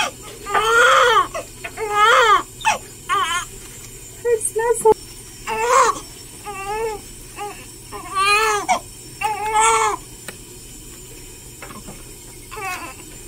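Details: Repeated loud wailing cries in bursts with short pauses from a real 13-hour-old newborn girl during her first hospital sponge bath given by a nurse; a normal vigorous newborn cry.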